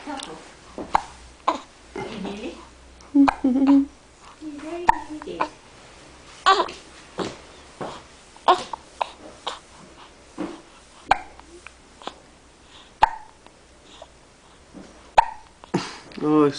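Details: An eight-day-old newborn with hiccups: repeated short, sharp hiccup sounds, with quiet adult talk in between.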